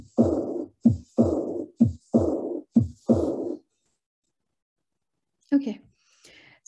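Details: Aortic regurgitation murmur.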